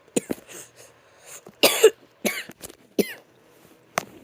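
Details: Unexpected cough: a run of short, harsh coughs in a quiet room, with one louder and longer burst among them.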